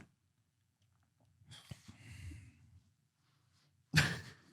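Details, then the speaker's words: Single cough from an adult podcast host who says he was under the weather last week: a soft breathy rustle, then one sharp, loud cough-like burst in a quiet room. "sorry about that. Little under the weather last week. Apologize. All right, let's hear it, bro. We need a cough button for this guy."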